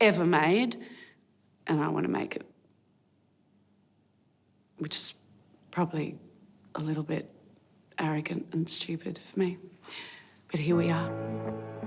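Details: Adult speaker; plain speech.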